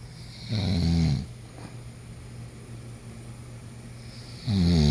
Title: Snore fest